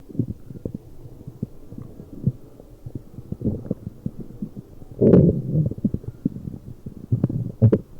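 Continuous low bubbling and popping gurgles with a louder rumble midway and near the end; ordinary stomach growling.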